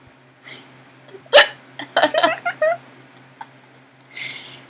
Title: Hiccups are the worst